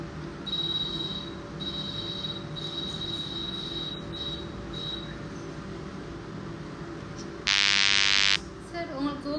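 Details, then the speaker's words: Repetitive peripheral magnetic stimulation (rPMS) machine for diabetic neuropathy pain, set to peripheral pattern theory in dynamic mode along the nerve course: high electronic setup beeps, then a loud burst of rapid buzzing as the pulse train starts. "Okay peripheral pattern தியரியை set பண்ணிட்டு dynamic மோடுல வந்துட்டு கொடுக்க போறாங்க okay start"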